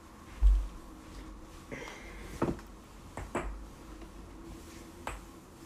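About five or six brief, sharp pops and clicks spaced across a few seconds in a quiet room, typical of joint cracking.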